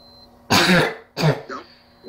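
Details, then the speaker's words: Habit cough in a 12-year-old child during a session of holding back the cough for over three minutes: two loud, harsh, honking, barking coughs in quick succession, then a brief vocal sound. "you cough once try not to let it happen again try and hold it back because that causes more irritation and makes you cough more"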